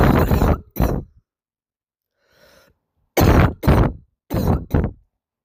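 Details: A girl with a barking cough of unknown cause, recorded with poor sound quality: three pairs of loud, harsh, deep coughs, six in all, separated by quiet pauses.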